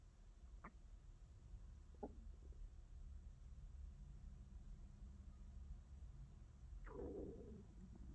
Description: Beautiful sounds of stomach noises. Tummy sounds, growls, gurgles, and grumbles.